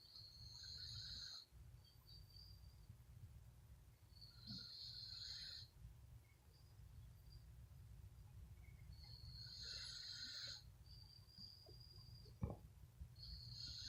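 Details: A sleeping female bully dog snores with rhythmic, raspy, whistling breathing noises every few seconds over a low hum, growing louder as it goes on.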